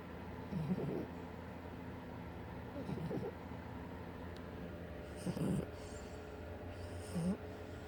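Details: A 6-month-old French bulldog asleep on a chair at work gives four low, rattling snores at about 27 a minute over a quiet room hum; snoring.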